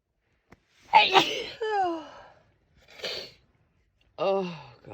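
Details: Adult woman who could not stop sneezing all day: one sharp, forceful sneeze followed by voiced sighs and a short catch of breath: sneezing.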